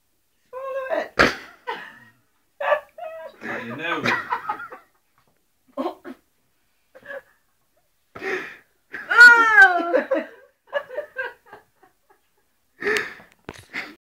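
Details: An adult woman sputters and coughs in short bursts, with gagging noises and laughter, after swallowing cough mixture she expected to taste horrible; choking cough.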